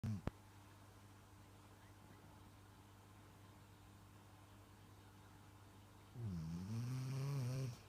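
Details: Sleeping dog, quiet seconds over a low room hum, then one long rumbling snore much like human snoring.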